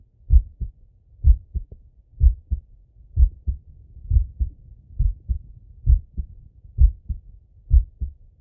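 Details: Stethoscope auscultation of a male's chest: steady lub-dub heartbeat at about 64 beats per minute with no extra sounds; normal heart sounds.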